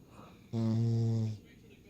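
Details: Sleeping female dog giving a single short, low, buzzing snore lasting under a second; dog snoring.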